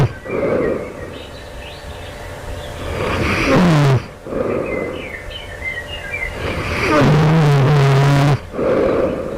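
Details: Snoring loudly right before awakening, with a suspicion of developing sleep apnea; loud, harsh, rattling inspiratory snores at about 15 breaths a minute, with quieter noisy breathing between them.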